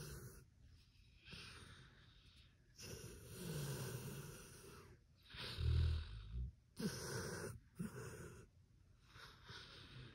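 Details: Sleeping pit bull giving irregular, low, rumbling snorts and snores with some wheezy breaths: dog snoring.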